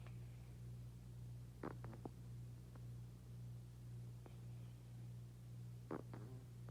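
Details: Cat that face-planted while falling asleep, snoring face down: soft, clicky snorting noises recurring about every four seconds over a steady low hum.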